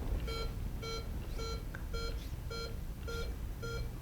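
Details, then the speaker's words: Pulse oximeter tone in a simulated newborn resuscitation after effective ventilation at 40% oxygen: steady beeps about 110 a minute, heart rate rising from 93 to over 100, baby starting to breathe, improving. "So I can hear that things are going better, right? I'm not nervous."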